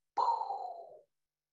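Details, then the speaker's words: Imitation of aortic regurgitation murmur: single breathy blowing sound, loud then fading, as a diastolic blowing decrescendo murmur heard with stethoscope diaphragm at left sternal border. "so now you're going to tune in with a stethoscope to listen with the diaphragm piece preferably at the left sternal border to a diastolic blowing decrescendo murmur"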